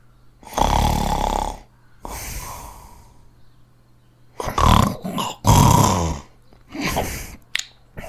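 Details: Sound-effect recording of loud, rattling snores with snorting breaths at irregular intervals, a few breaths close together.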